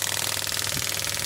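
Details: Biotronix pneumatic ballistic radial shockwave (ESWT) machine, 10 bar, probe firing shots while frequency is adjusted: fast, steady rattling pulses; shockwave therapy device firing.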